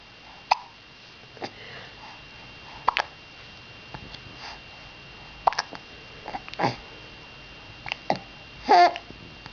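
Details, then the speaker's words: Young child with recurring hiccups: short, sharp hiccup sounds at irregular intervals, about seven in under ten seconds, in a quiet room. "do you have hiccups again? Do you have hiccups, Mama?"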